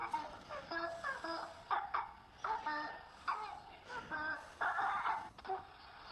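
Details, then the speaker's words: Sleeping child with croup (barking metallic cough) makes a harsh, high-pitched whistling sound on each rapid breath in, with respiratory distress and retractions: inspiratory stridor. "Entonces acá tenemos un video, se escucha el estridor que tiene el niño al inspirar."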